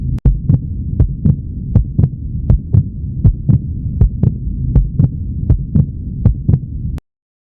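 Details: Human heartbeat in a short animation: steady paired lub-dub thumps about 80 beats a minute over a low constant hum: normal heartbeat.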